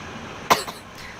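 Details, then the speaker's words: A single short, harsh irritant cough from a woman right after taking a large bong hit of cannabis smoke, over quiet room noise. "Woo! I'm just coughing from that bong hit."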